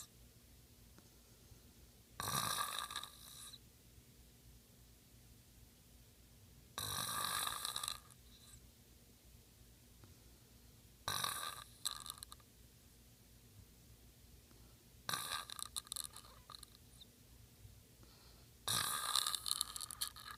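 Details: A man recorded asleep at night, snoring that his bed partner hears every night: harsh, hissing snores at regular intervals, about 15 breaths a minute, with quiet pauses between; snoring.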